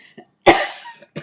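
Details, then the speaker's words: Adult's single sharp cough with a lingering rough tail, during a live talk; the cougher notes an unexplained deeper part to their cough and clears throat: cough. "do you hear that cough? I don't know what that deeper part h it like I'll cough and then there's like that deeper piece of it."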